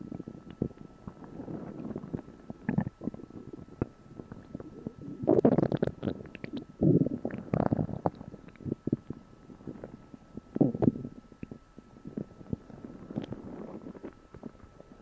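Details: Borborygmi: long low gurgling and rumbling stomach noise with irregular louder surges, recorded after eating a meal for the first time in a while.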